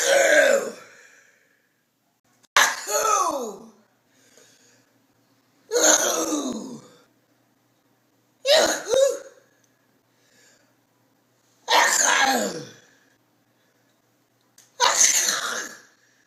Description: This grandma sneezes several times a day. Everyone has a unique sneeze but this grandma sneezes like no other. Her dramatic sneeze is almost like a scream.